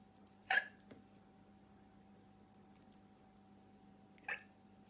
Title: black dress girl seducing hiccups ❤️